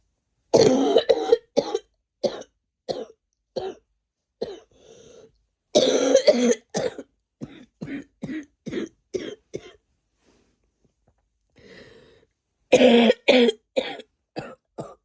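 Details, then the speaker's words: Adult coughing in bed: repeated bursts of coughing mixed with throat clearing, in clusters separated by brief pauses; no sneezing. "Yes. More coughing and sneezing. Well, no, not sneezing. Just coughing."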